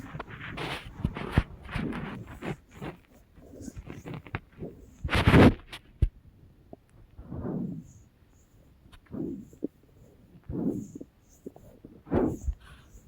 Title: Do you guys hear My Stomach growling